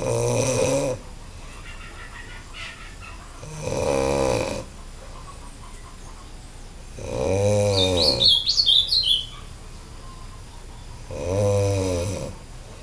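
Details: Heavy snoring from a person on a farm in Candeias, Bahia, with a decibel meter shown: loud, harsh snores on each breath, about 16 a minute, with birdsong in the background.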